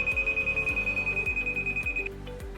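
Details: COVID-era Indian ventilator demonstration with the AC power supply disconnected: steady high electronic tone over repeating low pulsing tones, then the tone stops; medium priority ventilator alarm.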